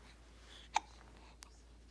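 One sharp, short hiccup sound followed by a fainter one in a quiet room; ordinary infant hiccups.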